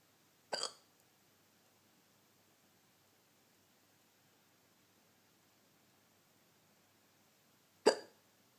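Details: Person trying to sleep, in the dark: two sharp, brief hiccup sounds about seven seconds apart in a quiet room; hiccups.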